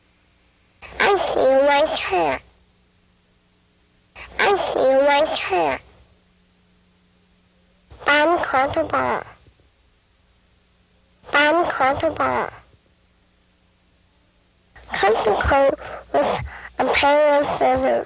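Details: Youngster with an operated submucous cleft palate producing posterior nasal fricatives.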